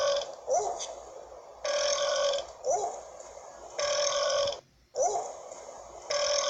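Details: Burping compilation: repeated long, loud, rumbling burps, about six in under seven seconds, from an edited sequence; repeated burping.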